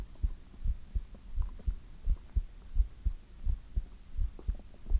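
Steady, soft low thumps of a regular heartbeat with a faint background hum; a normal heart rhythm.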